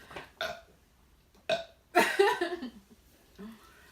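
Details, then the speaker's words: An adult, during a soda-drinking no-burping challenge, makes short gulping sounds and then a loud, throaty burp with a rough, rattling tail: burp (eructation). "Did you burp? You nasty as hell."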